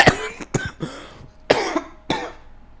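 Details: Four sharp, harsh cough bursts in under three seconds from an adult who says they are asthmatic and mentions a wheeze.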